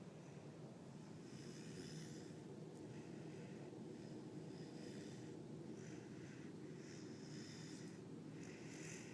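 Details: Tired husky puppy sleeping in the morning, snoring loudly: steady low rumbling breaths with soft snorting noises over constant background noise.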